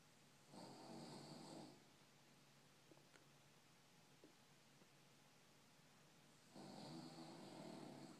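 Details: Two soft rattling snores about six seconds apart, with quiet breathing between; ordinary snoring during sleep.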